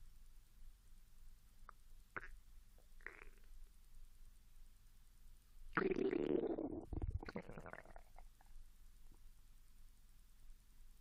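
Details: Japanese female after 16 hours without food, growling after drinking mineral water, recorded with the device placed directly near the stomach: faint squeaks, then a loud gurgling, squealing rumble fading to quiet; hunger borborygmi.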